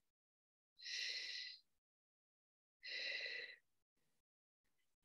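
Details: A sigh performed as part of a relaxation breathing exercise in voice rehabilitation (speech therapy).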